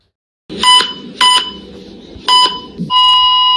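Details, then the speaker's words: Loud repeated high electronic beeps over a low hum, ending in a sustained tone: an ICU bedside patient monitor alarm. "Sound को सुन कैसा लगा irritation हुई frustration हुई यह चीज सिर्फ एक हॉस्पिटल स्टाफ समझ सकता है"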